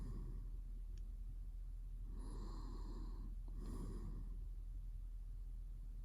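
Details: An adult man sleeping in REM sleep makes two brief, faintly whistling snoring breaths over a steady low hum; light snoring.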